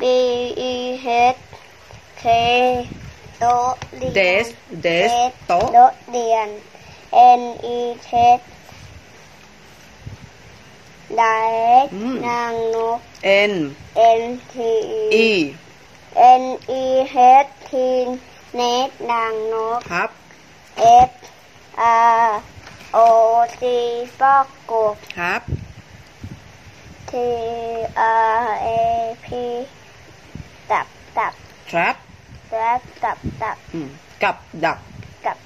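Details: Boy deaf from birth from a congenital auditory nerve defect with severe hearing loss; cochlear implants at 10 months and 1 year 11 months; almost 4 years of listening and speech training. Finding: speech of a child with cochlear implants.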